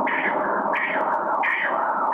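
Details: Ultrasound at 13 weeks of pregnancy: rhythmic whooshing Doppler pulses at about 85 a minute from the mother's uterine artery, normal maternal uterine artery blood flow.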